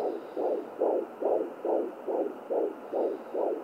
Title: How I use my fetal heart rate doppler